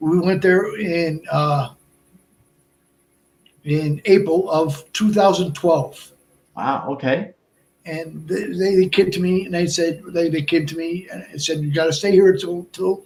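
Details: Adult man, about 57, with Broca's aphasia from a stroke at age 46 (March 2011), over 8 years post-onset; also a heart transplant recipient; limited speech, effortful word finding, more difficulty with verbs than nouns; Broca's aphasia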